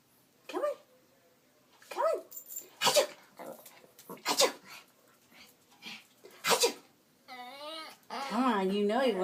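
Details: Yorkie dog sneezing on command: several short, sharp nasal bursts followed by whining and yelping, repeated sneezes.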